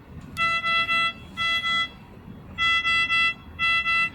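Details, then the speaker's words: Bursts of loud electronic beeps in groups of two and three over room noise: a medical device alarm sounding. "you can click the alarm post key to post the alarm sound"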